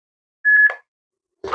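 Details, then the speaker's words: Training AED during CPR practice on a manikin: steady electronic tone with a short warbling chirp prompting the rescuer to press the orange shock button, then shock delivered and prompt to begin CPR; simulated. "the orange shock button now. >> Delivered. Begin CPR."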